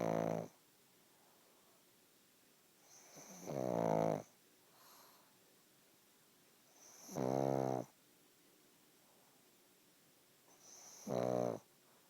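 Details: Napping pug: loud, rattling, buzzing snores recurring every few seconds, about 16 a minute, with softer in-breaths between; snoring in a flat-faced dog.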